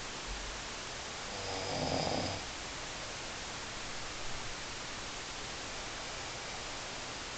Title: Snoring....